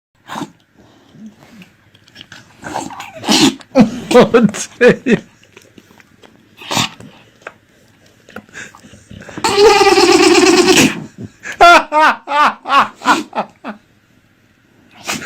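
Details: A dog gives a run of short, sharp nasal sneezes with a brief whiny vocal sound between: sneezing.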